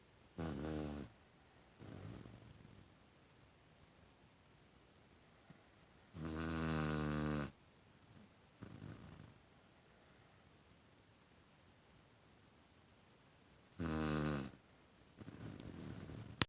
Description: My pitbull "Isis Puppy Pants" fell asleep on my leg and was making unusual snoring sounds even for her